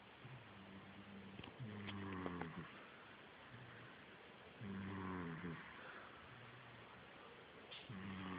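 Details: Rhythmic, low, rattling breaths with a rising tone, about 20 a minute, over quiet room noise; snoring.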